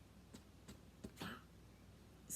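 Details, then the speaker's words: Small Chihuahua with congestive heart failure, unwell and awaiting a vet visit, gives a few soft, short hacking coughs. "he's got congest of heart failure and all these things so we're just kind of I'm just keeping him close so I'm sorry if you hear the coughing but that is him and he's okay"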